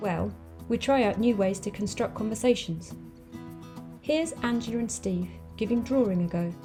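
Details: Adult woman narrating; normal speech.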